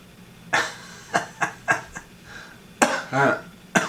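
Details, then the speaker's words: Adult woman, coughing fit during a commencement speech, attributed to allergy: about six dry coughs in under four seconds with brief throat-clearing. "title has coughing fit during commencement speech we'll blame allergy instead of emotion"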